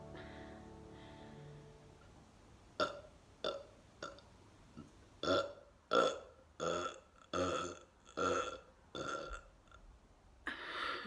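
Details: Burping soundscape set to Debussy's "Romance": about nine rhythmic, voiced belches in a row after a short musical lead-in, performed as a deliberate burping display.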